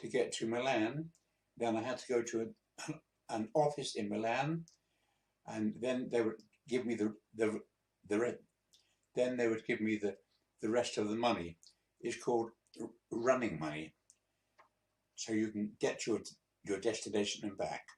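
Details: 82-year-old man, a few months after a mini stroke (transient ischaemic attack), practising speaking to recover; non-fluent speech.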